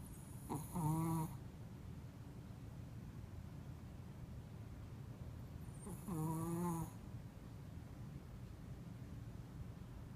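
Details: Chihuahua asleep with her head across an open laptop: two whistling, buzzing snores about five seconds apart, roughly twelve breaths a minute, with steady fan hum behind; dog snoring.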